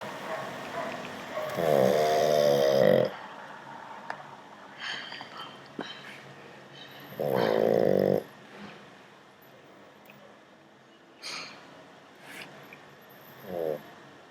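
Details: Loud rattling snores on breathing in, about every five to six seconds, with quieter breathing between; ordinary snoring.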